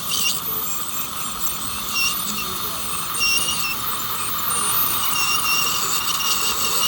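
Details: Ultrasonic scaler during professional teeth cleaning (scaling), removing plaque, calculus, tartar and stains by ultrasonic vibration: steady high-pitched hiss and squeal with water spray, faint music behind.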